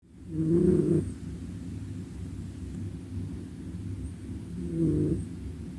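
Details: Sleeping cat snoring during filming in a garden: two loud, low rumbling snores about four seconds apart, with faint outdoor noise between them.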